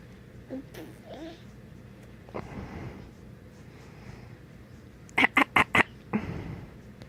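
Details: Child's cough: a quick run of four harsh, honking coughs, then a fifth, after quiet background sounds.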